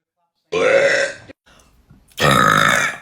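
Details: Spontaneous burping: two long, loud, voiced belches separated by a brief pause.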